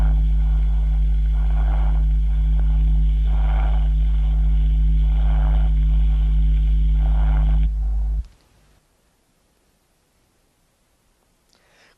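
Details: Pleural breath sound (pleuritic murmur) on chest auscultation, from a classical lung examination teaching recording.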